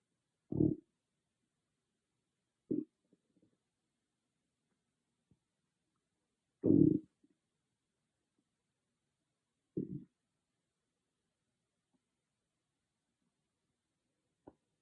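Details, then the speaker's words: Stomach growling recorded on an iPhone without a special microphone: four short, loud low growls separated by silence, about ten a minute; ordinary borborygmi. "Hey growlers, I just want you to see how loud my stomach could get with no ASMR microphone, just an iPhone um, audio."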